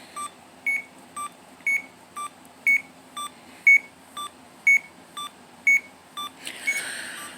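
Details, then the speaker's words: Chemotherapy infusion pump completion alarm after a 72-hour infusion: regular high-pitched electronic beeps, about one per second, signalling the pump has finished. "That beeping means that my pump is done for the 72 hours. And we like that noise a lot because it means that I can stop ingesting poison in my body that makes my lips fat."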